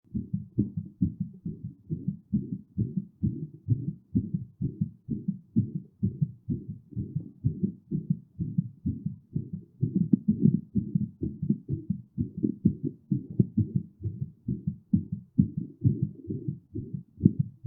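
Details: Heart sounds during and after physical exertion: fast, steady heartbeat thumps at about 128 beats a minute, a heart racing from effort.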